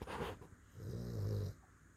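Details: Dog snoring while asleep: a brief snort, then one low, drawn-out, buzzing snore.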